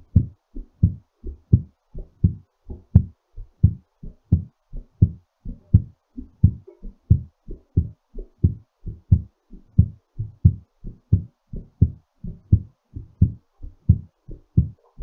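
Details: Steady low thumping heartbeat at about 88 beats per minute, settling after exertion; normal recovery heart rhythm.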